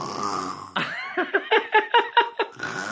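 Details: Young girl imitating her father's night-time snoring while awake: voiced, rhythmic snorting grunts, about seven in quick succession; simulated, not true sleep snoring.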